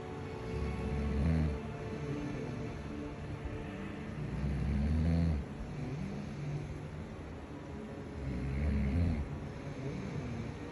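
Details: Snoring from a sleeping man, recorded by his wife.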